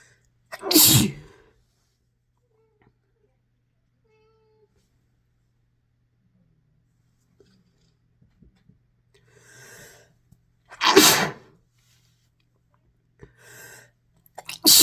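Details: Two forceful explosive sneezes from a compilation of induced and natural sneezes, the second preceded by a brief inhaled build-up, with faint sniffs and breaths between.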